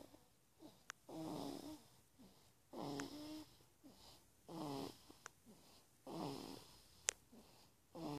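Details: Rhythmic rattling snores on each in-breath, about 18 breaths a minute, with soft whistling tones and quiet pauses between; snoring.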